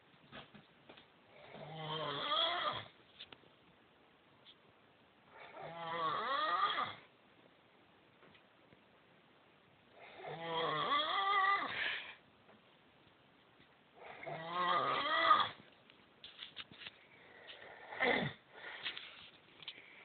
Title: Snoring husband with smart phone